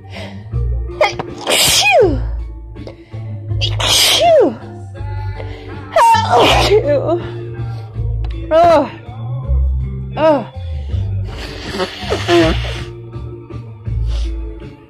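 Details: Woman on day 4 of a cold combined with allergies, with a tickly, stopped-up nose: a sneezing fit of about six forceful sneezes with gasps between, over steady background music.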